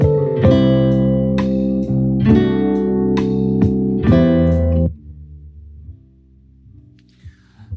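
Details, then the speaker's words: Simulated bilateral moderate/severe sensorineural hearing loss due to otosclerosis, left ear: clear plucked guitar music drops to a faint, muffled murmur. "what you notice there is just a murmur of the music on my end"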